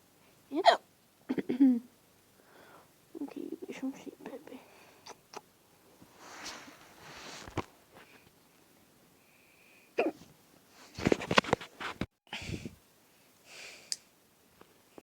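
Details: Person speaking softly to lull a cat to sleep, interrupted by several sharp, abrupt voiced gulps with a catch in the throat. Hiccups.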